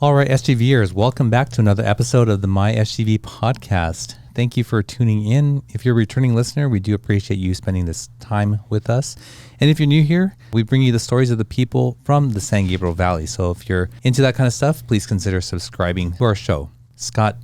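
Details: Adult male speaker; normal speech.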